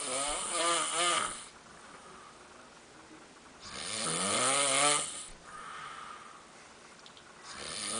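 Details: Bass player snoring: loud, harsh, rattling snores on each breath with quiet pauses between, about 16 a minute; ordinary snoring.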